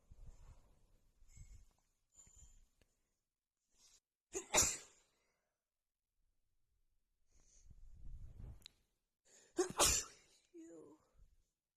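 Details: Two wet, forceful sneezes from a female, each preceded by quiet sniffing and a catching breath, in a quiet room; itchy nose from dust stirred up while cleaning.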